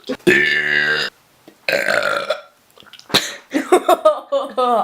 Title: burping brothers